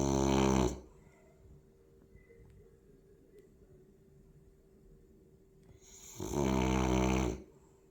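Two loud, buzzing, rattling breaths about six seconds apart with quiet pauses between: loud snoring in a flat-faced dog.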